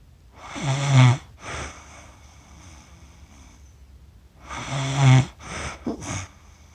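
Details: Adult snoring, recorded accidentally after falling asleep while filming cats; the person says they snore funny: two loud, rattling, vibrating snores on breathing in, each followed by a shorter breath out, with quiet between them.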